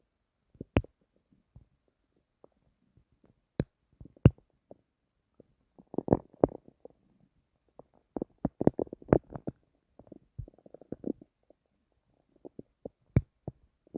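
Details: Irregular gurgles, clicks and rumbling bursts recorded from one's own adult stomach while trying to sleep: ordinary active bowel sounds (borborygmi).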